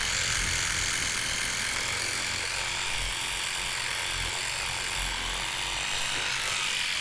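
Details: Steady, dense buzzing hum with faint rapid pulsing from an electric toothbrush brushing teeth, presented as ASMR dental-care sound.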